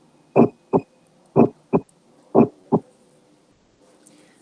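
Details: Split S1.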